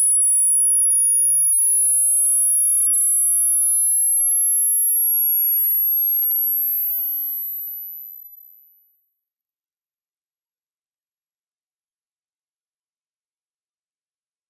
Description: The normal range of human hearing is 20HZ to 20,000HZ, but decreases with age.